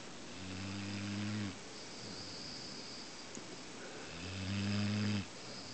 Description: Bubba, our English Mastiff, taking a nap on the couch...and I caught him. SNORING.